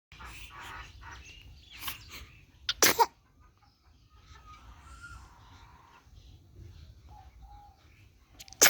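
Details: A single sharp, explosive sneeze from a baby girl, with soft movement and room noise around it.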